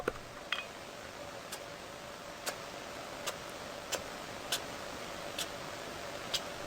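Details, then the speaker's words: Soft, quick sneezing or hissing puffs from a sugar glider; usually a normal part of its grooming and cleaning ritual, though occasionally a sign of infection. "Sugar gliders often make a soft sneezing or hissing sound that goes something like this."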